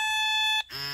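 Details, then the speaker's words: Prevena Plus 125 disposable negative-pressure wound vac, used after hip surgery, powering on with its canister removed: a steady electronic tone of about half a second, then a brief softer chime. "I don't know. Turn it on without the uh chamber in there."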